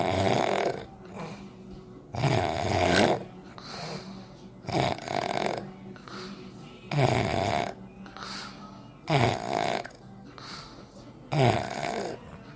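Loud, rough snores recur about every two seconds, each inward breath rattling noisily with quieter breathing between them: heavy snoring during sleep.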